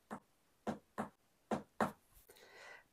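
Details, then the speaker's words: Heart auscultation teaching example: two paired lub-dub heartbeats at about 70 a minute, normal first and second heart sounds (S1 and S2). "Як ми всі знаємо, серцеві тони є два: S1 та S2 або лап DUB. Вони звучать"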